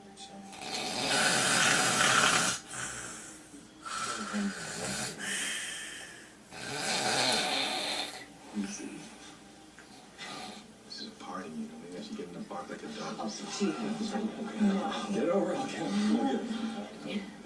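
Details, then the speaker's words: Snoring with obstructive sleep apnea: loud, harsh snores in uneven bursts with gaps, the sleeper's neck straining as his body struggles to get air. "that was scary huh wow that was my life for years um you can imagine just you having one night where you only get three hours imagine living for 20 years living that long and never getting a sufficient amount of sleep"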